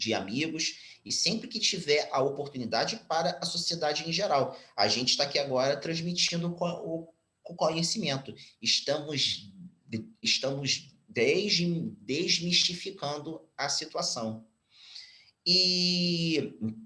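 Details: Stuttering, now mild after speech therapy, in a 34-year-old Brazilian Portuguese-speaking man, speaking spontaneously.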